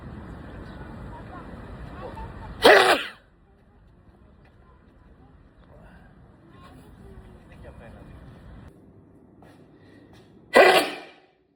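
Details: Two loud, explosive sneezes several seconds apart, with quiet room and traffic noise between them; loud sneezing.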